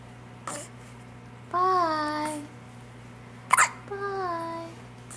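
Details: Two sharp hiccup bursts from a 3-week-old baby girl, each followed by a short whimpering squeaky coo, over steady room hum, in pajamas after a bath; recurrent newborn hiccups.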